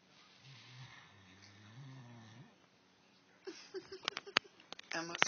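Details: Great Dane snoring: low, droning snores from a large dog, followed by rustling and nearby talk.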